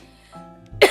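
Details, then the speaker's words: Cough from a patient who says they still have pneumonia after a hospital stay with breathing treatments and are on blood thinners for clots. "i still obviously as you can hear have a cough because i still have pneumonia"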